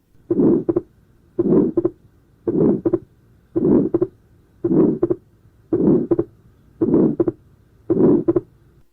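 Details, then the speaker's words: Atrial septal defect: wide, fixed splitting of the second heart sound with no respiratory variation, clearly double second sound throughout; regular heartbeat about 55 per minute, with a harsh ejection systolic murmur over the pulmonary area. "In Airtel septal defect divide and fixed splitting of the second hand side"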